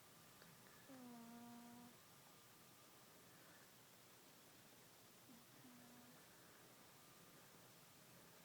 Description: My cat Mumu snoring while taking a nap after his Thanksgiving feast :)